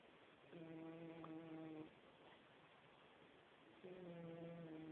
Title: Gato roncando